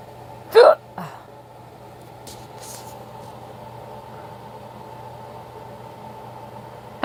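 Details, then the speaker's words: Hiccups, first of the year, thought to follow drinking soup broth too fast: one sharp hiccup with a small follow-up sound, then steady room hum. "my hiccups are bad yeah yeah yeah first time I've had them all year this is a rare moment so I thought I catch them on camera"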